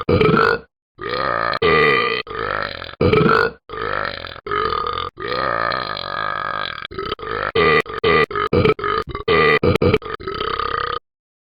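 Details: Person burping: a long run of about twenty loud, drawn-out belches, some stretched for a second or more.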